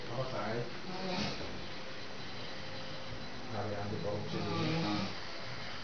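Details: Funny snoring recorded at Puncak: two rough, low breathing noises about four seconds apart against steady room hiss.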